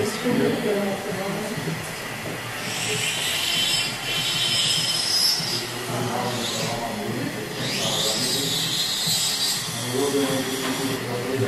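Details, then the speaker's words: Ultrasonic teeth cleaning removing tartar (calculus) at an adult woman's dental check-up, described as pain-free: high hissing, squealing scaler noise with the steady rush of suction. "firstly the procedure is called ultrasonic teeth cleaning and it's pain-free honestly it's pain free except you have extremely sensitive teeth"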